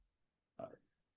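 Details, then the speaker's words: One sudden, explosive adult sneeze that fades quickly in a quiet room, recorded during a podcast. "sorry I just had to sneeze you want to be able to hear that in the background"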